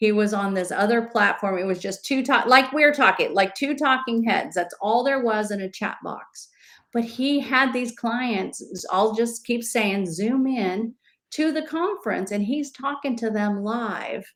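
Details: Adult woman speaking; normal speech.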